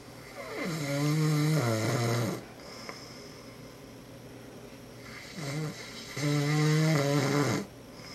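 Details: Sleeping father (Dad) recorded by his children, who says he doesn't snore: two long, loud, rattling snores with a quiet pause between them. Heavy snoring.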